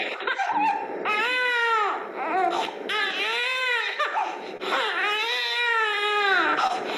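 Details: Infant cry with stridor (subglottic hemangioma).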